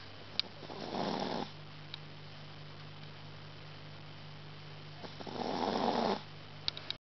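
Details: Sleeping Shih Tzu/Lhasa Apso cross dog snoring: two raspy snoring breaths about four seconds apart over a steady low room hum.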